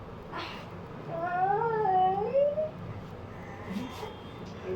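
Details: Thin, wavering cry with rising and falling pitch over room noise from a newborn boy just after a fast vaginal delivery, the second baby of a 38-year-old mother.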